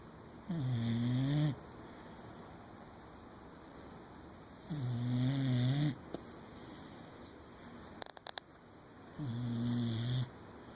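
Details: Boxer and Weimaraner cuddling asleep on a couch: slow, rumbling, tonal snores on each breath, about one every four to five seconds, in a quiet room; dog sleep snoring.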